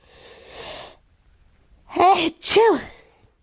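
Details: Person who woke up this morning and couldn't stop sneezing: a breathy inhalation followed by two sharp voiced bursts; sneezing.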